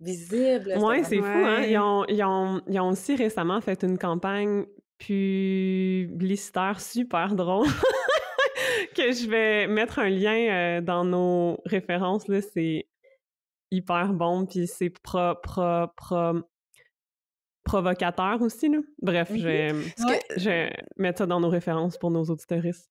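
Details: Stuttering in an adult woman who is a speech-language pathologist and a person who stutters, speaking French in conversation.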